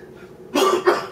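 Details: Two short, harsh cough bursts in quick succession from an adult man coming off the flu.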